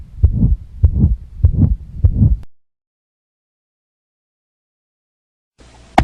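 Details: Simulated cardiac exam of an adult male with hypertension, stethoscope at the mitral area: about two seconds of heartbeat near 100 a minute with a whooshing murmur between beats, then silence; mitral regurgitation, concluded cardiomegaly of both ventricles.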